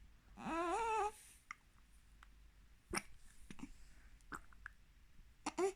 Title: 5 week old with hiccups